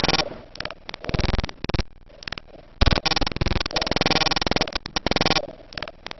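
Whispered syllables come through the stethoscope loud and distinct in short bursts with pauses: whispered pectoriloquy.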